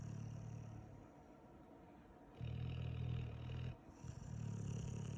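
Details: Dog sleeping after a busy day: low rumbling, growl-like snoring in stretches, with a quieter pause between breaths.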